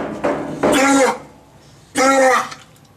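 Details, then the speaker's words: A shelter dog with kennel cough, recovering from eye removal after proptosis from an apparent attack, gives two loud, harsh, honking coughs; the kennel cough is being treated. "So as you can hear, Darwin has a horrible cough. He came to us with a kennel cough from the shelter, so we're also treating that, but it doesn't seem to be slowing him down."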